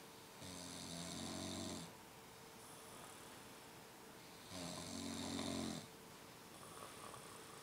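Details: Companion who came to keep someone company while studying has fallen asleep: two long, buzzing snores on breathing in, each followed by a soft hissing breath out, in a quiet room; snoring.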